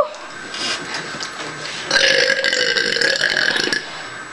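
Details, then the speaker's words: Deliberate burping during a burping contest: a long, loud, rumbling burp lasting about two seconds after quieter lead-in sounds. "I got sneezed and then I got burp pitting on I'm sneeze I'm going lose all of it crap you can burp it anytime"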